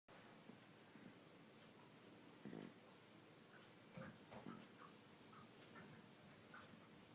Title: Malakai wheezing